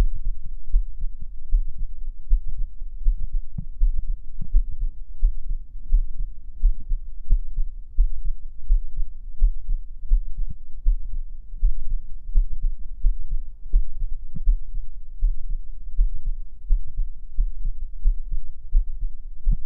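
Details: Heartbeat from an ASMR stream recorded on a 3Dio binaural microphone: steady low thumping, about 85 beats a minute, with a faint hum underneath.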